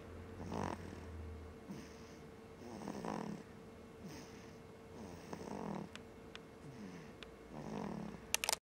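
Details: Snoring: soft, rasping snores roughly every two and a half seconds with a faint steady hum behind.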